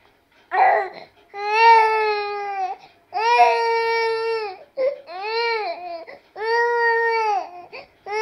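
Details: Repeated loud, clear, tonal cries from an infant in long bursts separated by short gasping breaths; an ordinary healthy cry.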